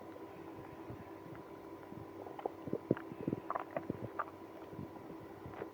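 Gurgling, squeaky stomach growls and rumbles over a steady background hum; active bowel sounds in irritable bowel syndrome.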